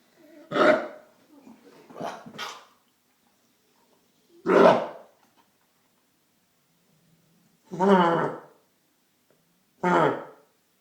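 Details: Labrador named Coco with kennel cough gives several harsh, honking, gagging coughs separated by quiet pauses.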